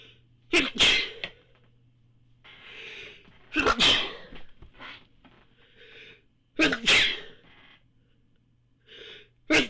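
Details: Four sharp, forceful sneezes, each with a quick in-breath before the burst and quiet breathing between; the last one was brought on by the photic sneeze reflex.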